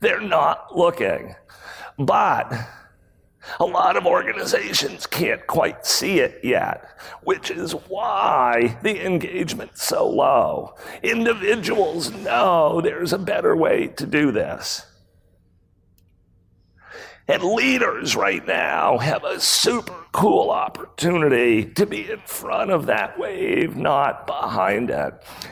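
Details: Real case: a male CEO who acquired the rare voice disorder spasmodic dysphonia in 2010. His throat muscles spasm and contract when he talks, sometimes making speaking difficult. Recorded at a 2018 talk. Finding: spasmodic dysphonia.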